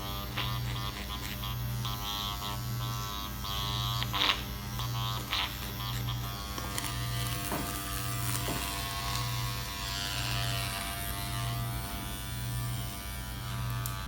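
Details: Self-performed facial microneedling with a Dr. Pen A7 (12-pin cartridge, 34-gauge needles) after 5% lidocaine numbing, second treatment; depth lowered to 0.25 mm near the eye; continuous buzzing motor with rhythmic dips as the pen is lifted and moved, soft music behind.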